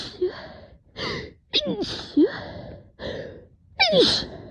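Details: Adult with a known cat allergy who woke after a cat slept on the pillow, with burning face, swollen eyes and a runny nose: gasping, hiccup-like intakes then rapid forceful sneeze bursts; repeated allergic sneezing.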